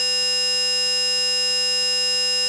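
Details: Simulated tinnitus, one of ten synthetic tones of differing waveform and frequency emulating common tinnitus types: a steady, piercing, very high-pitched buzzy tone.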